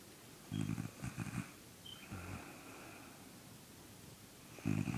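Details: Little brother sleeping and snoring, not waking despite attempts to wake him: three rough, low, rattling snore bursts in a quiet room, the last starting at the end; snoring.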